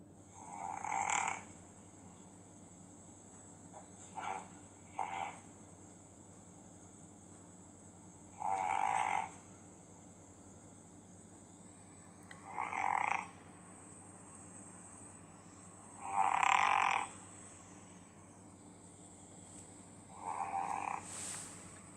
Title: Snoring cat Markiza